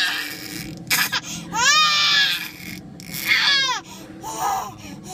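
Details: Infant crying, described as irritated and sleepy: loud, high-pitched wailing in rising and falling bursts, with adult voices in the background.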